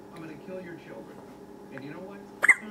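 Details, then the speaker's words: Tired baby girl who can't sleep, hiccuping a lot even after burping (parent suspects she eats too fast): quiet room with faint vocal sounds, then a single sudden sharp hiccup. "So tired, but lots of hiccups. Can't sleep, huh?"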